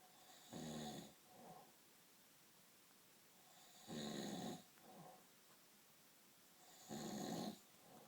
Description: This is my dad snoring he is the loudest snorer in the north east any bad comments about this video the comment will be removed and the user will be blocked and reported to YouTube got that as I don't tolerate any bad violence